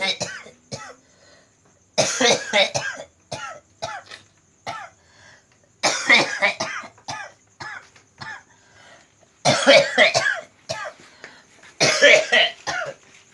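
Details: Man with a cough attributed to supernatural disturbance, during nerve-pressure (totok saraf) therapy: repeated bouts of harsh, rapid coughing, four main clusters with short gaps between them.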